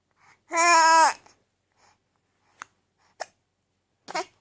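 A brief voiced sound followed by three short, sharp, abrupt bursts in quiet, consistent with hiccups.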